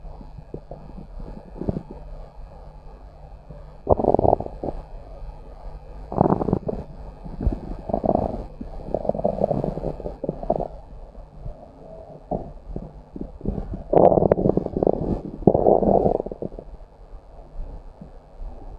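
Low gurgling and rumbling bursts over steady background hiss; ordinary stomach growling from gas and fluid moving through the gut.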